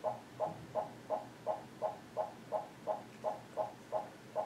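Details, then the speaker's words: Fetal heart rate on a fetal monitor during a reactive non-stress test, baseline in the 140s with average variability; the Doppler heart rate audibly rises, a fetal acceleration. Fetal heart rate acceleration. "and you can hear the heart rate go up and now you see a fetal acceleration this acceleration"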